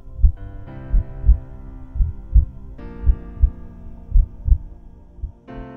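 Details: Steady paired low thumps of a heartbeat, about 55 a minute, under sustained background music, recorded with a 3D-printed auscultation device connected to a smartphone, computer or tablet for remote consultation: heart sounds.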